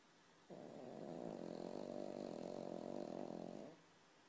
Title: Horlayan Köpek - Snoring Dog